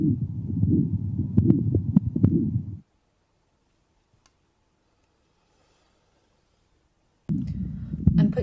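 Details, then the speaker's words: Aortic stenosis in a man with rate-controlled atrial fibrillation and a low-volume pulse: stethoscope reveals irregular heart sounds with a loud, high-pitched ejection systolic murmur, loudest over the aortic area and radiating to the carotids, with a quiet second sound. "He has a high-pitched and loud ejection systolic murmur which is audible throughout the precordium but loudest over the aortic area and does radiate to the corroteds."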